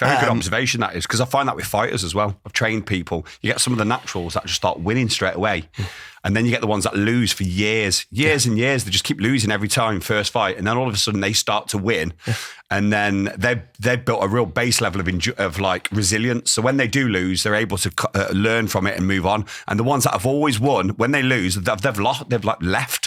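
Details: Adult man speaking; normal speech.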